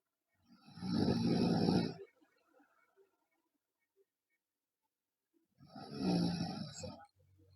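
Two loud, rough rattling snores on breathing in, about four to five seconds apart, with quiet between; heavy snoring in a child.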